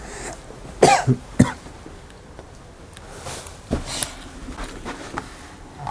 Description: This weeks was a while back, Christmas 2019.. wasn't feeling great so excuse the cough and spluttering.